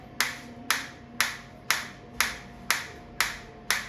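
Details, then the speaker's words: Focused (not radial) shockwave therapy applicator fired on the presenter's hand at minimum intensity, frequency 120, 1500 shots selected: sharp, evenly spaced clicks at about 120 per minute over a steady hum. "आप देख रहे हैं counter चल रहा है। 23 shot 24 25 इस तरीके से काउंट हो रहा है।"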